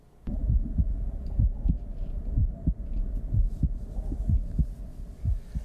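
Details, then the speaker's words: Normal heart sounds presented as what a healthy heart sounds like: regular low heartbeat thumps at about 62 beats a minute. "our topic today involves your heart we all know what a healthy heart is supposed to sound like and that's this"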